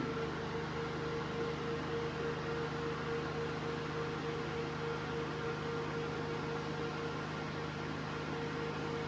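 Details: Steady mechanical hum with constant low tone and fan noise: single-handle 808/755/1064 nm laser hair removal machine powered on, its TEC cooling system running, during operation training.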